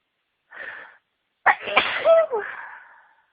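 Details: Repeated sneezes during a sneezing fit, announcing each one beforehand; soft breathy intake, then a sharp explosive sneeze trailing into a voiced exhale; ordinary sneeze.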